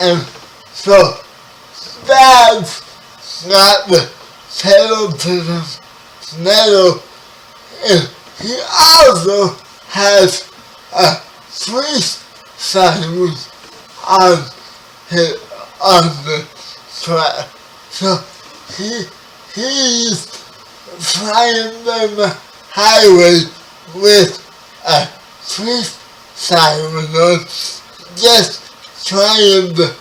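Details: 30-year-old man with spastic quadriplegic cerebral palsy, born 11 weeks premature; speech affected by the condition; spastic dysarthria (cerebral palsy).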